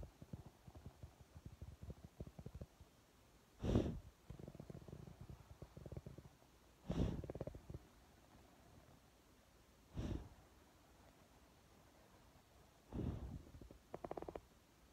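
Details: Pit bull dog breathing short: short, noisy nasal snorts recurring about every three seconds with softer rustling between; snorting breaths through the nose.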